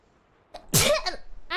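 A single sharp, explosive sneeze with a brief inhaled lead-in, followed by a short voiced trailing sound.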